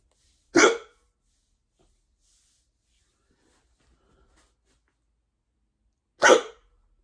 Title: Hiccups / hoquet